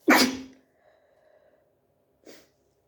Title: Hayfever Sneezing